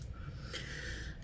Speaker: my dog's snoring out there can you hear that probably not